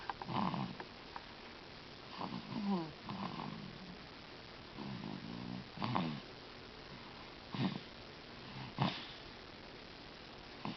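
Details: A sleeping dog recorded with the microphone not close, giving irregular snorting, fluttering breath noises, about six in eleven seconds; snoring.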